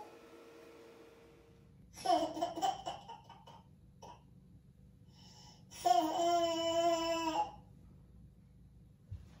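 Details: Infant crying in a quiet room, reportedly set off by a Norwegian Forest Cat: a brief fussy vocal burst, then a longer rising wail a few seconds later.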